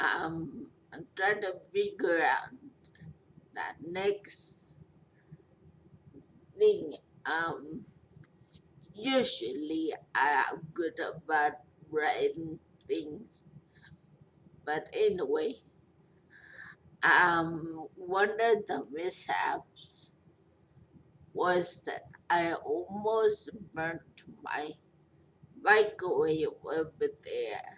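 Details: Speech impairment after stroke in a 43-year-old woman after a major stroke with a long recovery.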